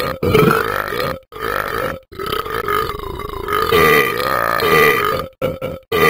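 Several long, loud, rumbling belches in a row with brief pauses between them. Repeated deliberate burping.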